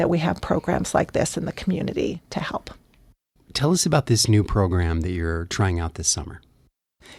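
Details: Two adults in conversation; typical speech.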